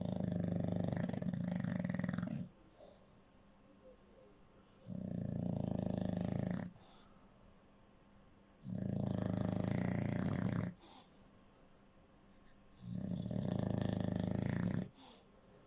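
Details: Sleeping English Bulldog: rhythmic rumbling snores on each breath, about 14 breaths a minute, quiet between; snoring.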